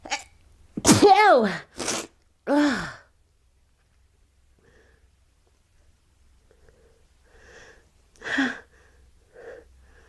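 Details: Repeated morning sneezing fit on waking: a run of several sharp, voiced sneezes in close succession, then quiet breathing; sneezer says they can't stop.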